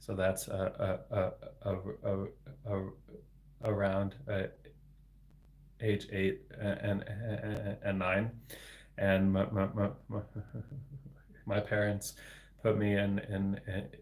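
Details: Adult man, a speech-language pathologist, with developmental stuttering including word repetitions, speaking live in a solo livestream; stuttering.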